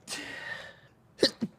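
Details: A streamer who says he keeps sneezing: a sharp, hissing sneeze burst fading over about half a second, then after a pause two brief vocal sounds; an ordinary sneeze.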